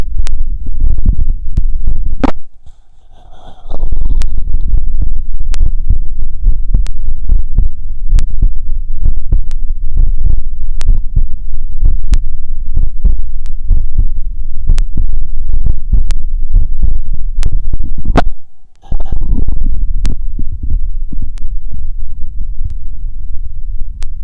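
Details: Electronic stethoscope wired via a 3.5 mm mini-jack, auscultating the aortic, pulmonic, mitral and tricuspid areas: steady, regular heartbeat thumps, with two brief pauses as the chest piece moves.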